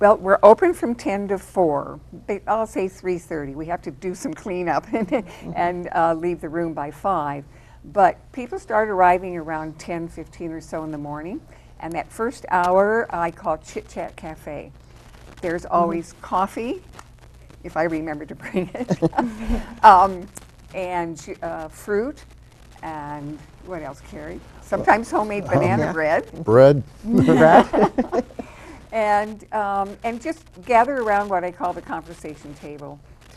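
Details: Adult woman speaking; normal speech.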